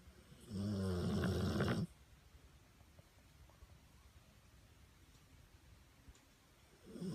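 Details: Sleeping Pitbull dog snoring: one deep, loud snore lasting over a second, then about five seconds of quiet before the next snore starts.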